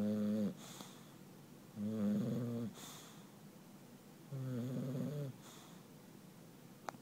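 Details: Sleeping English Bulldog gives three loud, buzzing, slightly musical snores on in-breaths, about 27 a minute, with quiet breathing between them; snoring.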